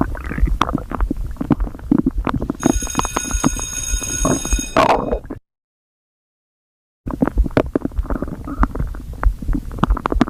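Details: Continuous low gurgles, bubbling and clicking pops of stomach growling (borborygmi) after overeating, with a brief ringing tone and a short silent gap.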